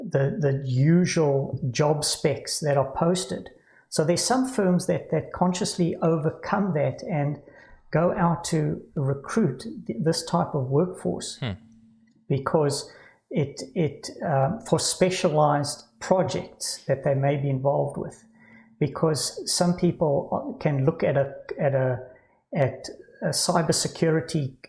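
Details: Adult man with Parkinson's disease diagnosed about 10 years earlier at age 49, now with cognitive decline, word loss, stammering and slurring, better after his morning medication until the afternoon; Parkinsonian disfluency (hypokinetic dysarthria with stammering).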